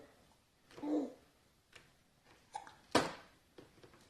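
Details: Hiccups in a baby boy, a mild case after dinner.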